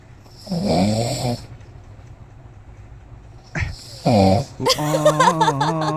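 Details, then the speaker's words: An adult woman, asleep at around midday and said to be feeling unwell, gives two loud, rough, buzzing snores a few seconds apart, then someone laughs nearby; snoring. "আর আজকে আমি দেখাবো যে আমার বউ কিভাবে এখন নাক ডাকাচ্ছে"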